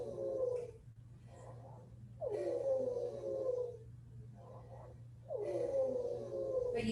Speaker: so because that diameter is much smaller you're going to hear a high-pitched kind of whistle this one in particular is exhalation right